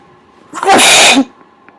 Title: more covered sneezes